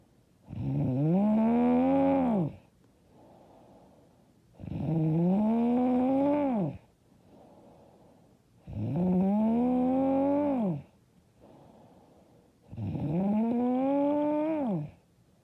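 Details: Loud, rough snores on each in-breath, about four in fifteen seconds, with quiet out-breaths between; self-described very loud, hard snoring.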